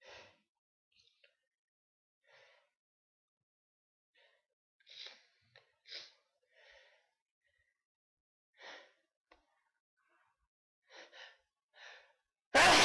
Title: Sneezes